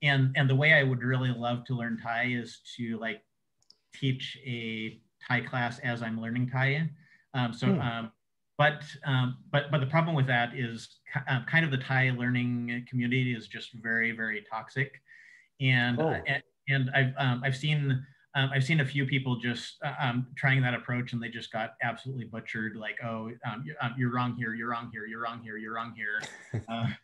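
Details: Adult man who says he has cluttering, a fluency disorder often contrasted with stuttering, speaking in an interview; cluttering.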